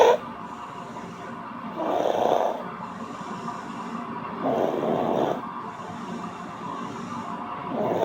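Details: Snoring, audio only: three rhythmic, rough snoring breaths about every two and a half seconds, roughly 24 a minute.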